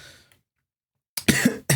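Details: A short, rough throat-clearing cough in two bursts after a pause in speech, from a speaker who sounds really sick and keeps clearing their throat. Cough / throat clearing.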